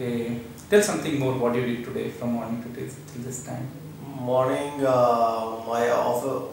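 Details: Adult male speaker (therapist); Normal adult male speech.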